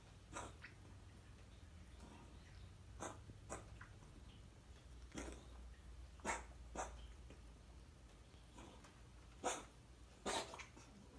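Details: Cat with an undiagnosed chronic cough of 6 months: a run of short, sharp, dry coughs, about eight in eleven seconds. Episodes last 1–4 minutes, 1–5 times daily. Blood, X-ray and ultrasound were clear, and dewormers, antibiotics and prednisolone did not help.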